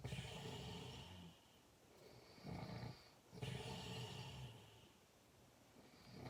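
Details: Loud, deep, rattling snores on each in-breath with quieter gaps between, likened to a tiger's sound; heavy snoring.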